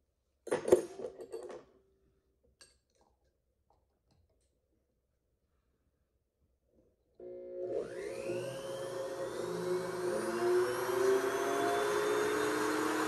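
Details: Simulated extraction of tooth #17, a typodont molar horizontally embedded in gypsum, with a 266AMC surgical handpiece sectioning and troughing the crown: taps and scrapes, then a sustained whining, grinding drill sound.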